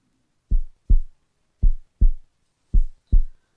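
Clear paired low thumps, first and second heart sounds, at about 54 beats a minute, with quiet gaps between them.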